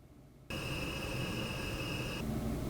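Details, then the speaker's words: Yuwell BreathCare III CPAP running at 10 cmH2O with the tube held closed to simulate no leak: steady airy hum with a faint high whine, measured at 43–44 dB, louder than the ResMed AirSense 11 (39–40 dB). "So with the Yuwell, it was showing me 43 to 44 decibels as opposed to 39 to 40 on the AirSense 11. So the AirSense 11 is significantly quieter."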